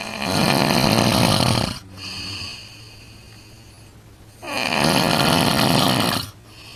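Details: Loud snoring at night in a hotel room in Djerba, fourth night: two long, loud, rough breathing-in snores with a quieter pause between, over a steady room hum.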